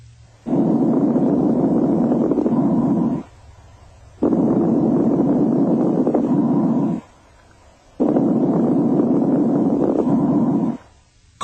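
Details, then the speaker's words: Breath sounds heard through a stethoscope with soft, high-pitched, very brief, intermittent non-musical crackles, as often accompany congestive heart failure; fine crackles. "fine crackles are soft high-pitched and very brief and often accompany congestive heart"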